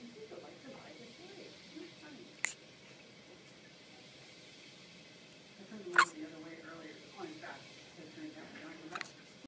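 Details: Hiccups in a 3-day-old premature infant born at 28 weeks' gestation weighing 2 lb 12 oz: quiet room with soft murmuring and three sharp, abrupt hiccup clicks spaced a few seconds apart.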